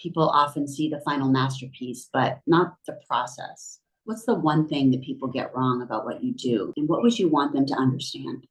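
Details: Adult male interviewer; Typical speech.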